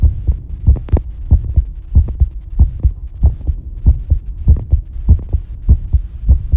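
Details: Regular, low, paired heartbeat thumps at about 95 beats a minute (approximate) with a faint background hum, recorded while bathing; normal heart sounds.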